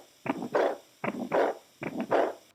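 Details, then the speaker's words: Dog, veterinary cardiac auscultation: heartbeat near 77 a minute, each cycle followed by a longer whooshing event appearing late in the cycle; diastolic murmur. "escucha un soplo diastólico un evento que aparece al final en este caso sin que medien encima"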